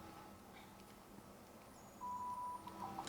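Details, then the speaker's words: Ventilator low minute volume alarm on a SimMan Critical Care simulator after suctioning a patient being weaned: quiet room hum, then a steady high beeping tone. "okay okay good and we've just got a a a low minute volume alarm and that's because you sucked some of the air um out of the out of the patient"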